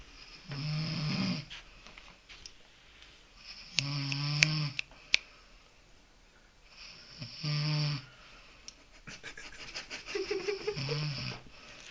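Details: Adult snoring: loud, rough snores on the in-breath, about four over twelve seconds, with clicks and rustling between them.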